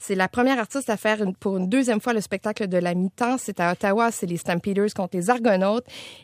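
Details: Adult female radio host; Normal speech.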